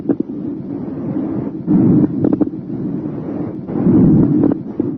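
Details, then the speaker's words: Stethoscope breath sounds with loud, bubbly, low-pitched discontinuous popping during breaths, in a thorax and lung assessment teaching demonstration: coarse crackles. "These discontinuous sounds may be high-pitched fine crackles or they may be loud, bubbly coarse crackles."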